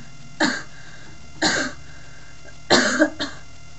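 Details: Adult who feels unwell and is losing their voice, with four short, harsh cough bursts without rattle or gurgle; dry cough.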